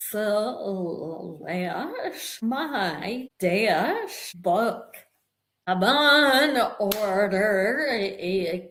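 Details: Woman with a real vocal tremor, which the host says developed after over 50 years of narcissistic abuse and trauma that began at age five, and which she describes as manifesting physically in her body and nervous system; vocal tremor.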